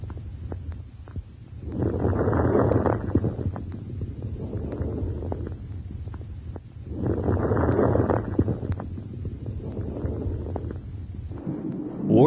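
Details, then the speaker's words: Breath sounds with brief, high-pitched, discontinuous crackling clicks during inspiration, given as an example of an adventitious lung sound in a respiratory assessment; fine crackles. "you may hear crackles during inspiration these discontinuous sounds may be high-pitched fine crackles"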